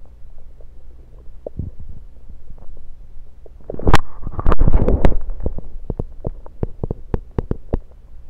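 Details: Stethoscope moved around the belly: low gurgling and rumbling with scraping contact clicks as it moves; ordinary bowel sounds.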